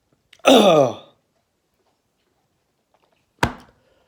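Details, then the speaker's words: Person coughing after accidentally sucking instant-noodle stew broth back into the throat while slurping: a sharp gasping, sputtering intake, a pause, then one abrupt reflex cough. "i freaking sucked that right back into my throat there oh man cool cool that was a good try of the sauce"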